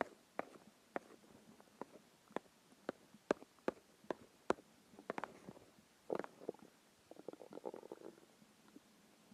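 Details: Irregular gurgles, pops and rumbling squeaks from a hungry stomach and bowel; ordinary hunger growling.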